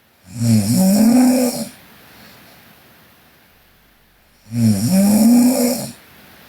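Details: Sleeping Korean girl. Two loud, rough, rattling snores on breathing in, each about 1.5 seconds, separated by a quiet gap: snoring in sleep.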